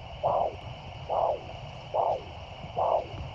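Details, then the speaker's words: Handheld Doppler probe at 45 degrees over a foot pulse: a monophasic pulse, one whooshing beat per pulse at about 71 a minute over steady hiss; abnormal, may suggest reduced flow with peripheral arterial disease. "this sound is a monophasic pulse this is one beat per pulse and is"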